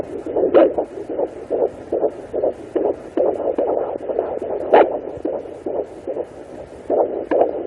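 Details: Fetal heartbeat of a baby girl at 18 weeks 4 days of pregnancy on a Sonoline B handheld pocket Doppler: rapid, regular whooshing pulses at about 150 beats a minute.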